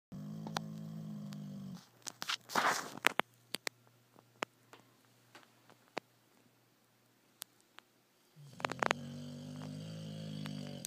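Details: Loud snoring from a 1.5-year-old Boxer dog asleep curled in a corner nook: low, steady rumbling snores at start and end, with a quiet gap of clicks and rustling between.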